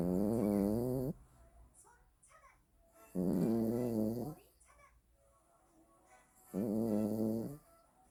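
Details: A sleeping puppy snoring loudly and rhythmically, about 18 breaths a minute, with quiet pauses between snores.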